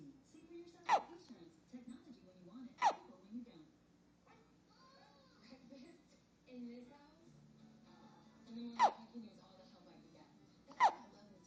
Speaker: Hiccups, hiccups, go away. Come again another day.